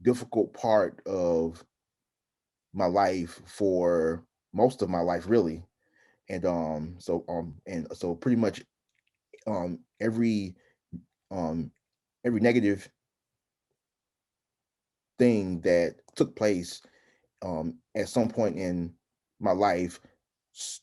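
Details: Adult man who stutters, with frequent interjections; stuttering.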